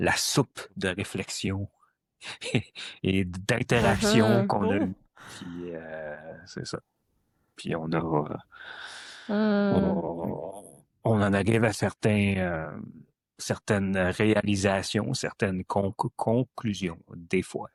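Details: Adult who stutters, speaking French; stuttering.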